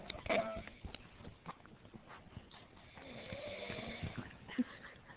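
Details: Loud, rattling snort-like snore opens the recording, followed by quieter, irregular noisy breaths from a female sleeper who often falls asleep; snoring.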